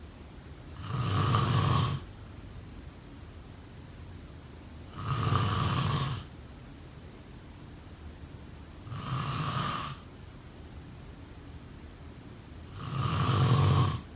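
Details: Snoring: four rough, low rumbling snores on the in-breath, about 15 breaths a minute, with quiet pauses between.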